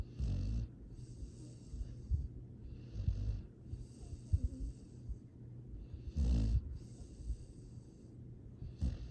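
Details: Sleeping rescue foster dog snoring: soft, low rumbling snores with quiet snuffles and a faint hiss between breaths.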